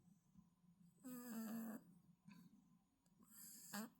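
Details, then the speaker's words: Cat snoring beside its owner: two rough, buzzing breathing sounds in a quiet room, the first long and loud, the second shorter. "굳이 있을 때 만한데 내 옆에 와가지고 코고는 이유는 뭘까요"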